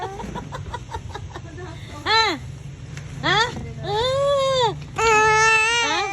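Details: Baby crying intensely in repeated rising-falling wails separated by short breaths, faint background noise; seemingly irritated after its eyes were covered; ordinary infant crying.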